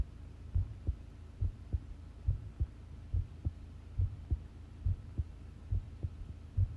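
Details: Long self-recorded heartbeat while listening to one's own pounding heart: regular paired low thumps at about 70 beats a minute over a faint hum; normal heart sounds.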